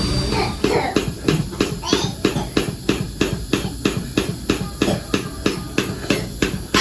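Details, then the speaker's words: Toddler with a tracheostomy, RSV and pneumonia, in hospital on intrapulmonary percussive ventilation: rapid regular thumping pulses about three a second as the machine pushes air into the trach, with gagging and much coughing. "he's definitely gagging kind of sounds like he's it kind of sounds like they're patting him on the back but it's really just the machine pushing air into his his drake um and then he's doing a lot of coughing and"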